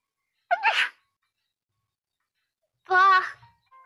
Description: Hololive English is having a comfy stream and shows her viewers her first ever cute sneeze.